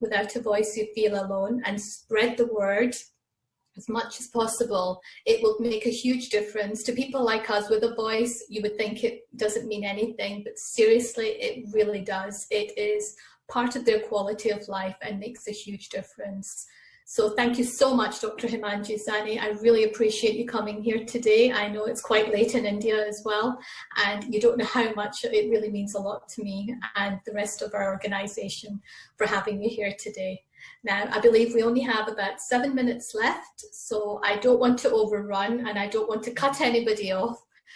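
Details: Adult woman speaking; typical speech.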